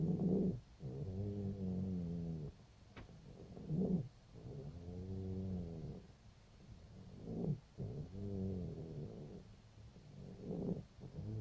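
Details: Female cat 5 days after laryngeal tie-back surgery, with a breathing problem: loud, low, rattling snore-like noise with each breath at about 17 breaths per minute, indicating stertor (noisy upper airway breathing).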